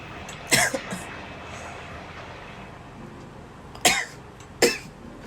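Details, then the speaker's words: Three sharp, explosive sneezes with background noise, set off by a self-administered COVID nasal swab meant to go about 2–2.5 cm deep; the person says they keep sneezing and it is painful. "我的天哪！暂停好了，一直打喷嚏，很痛苦。"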